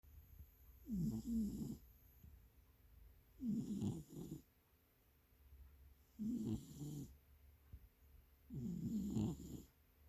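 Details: Formerly feral cat sleeping on a lap, said to be in REM sleep: soft regular snoring about 24 a minute with quiet room noise between breaths.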